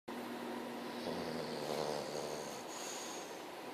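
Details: Very tired, sleeping English bulldog: continuous rough, rattling breathing noise throughout; snoring.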